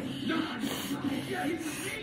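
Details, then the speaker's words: Harsh, rattly whistling breaths through a child's tracheostomy when her airway is dry, signalling she needs suctioning; dry tracheostomy breathing. "okay so this is how kj sounds when she's dry"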